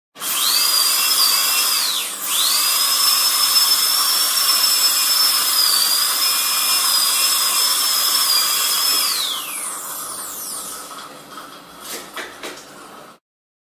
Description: Dentist Drill Noise. Fear. Pain. Dentist Drill Sound Effect.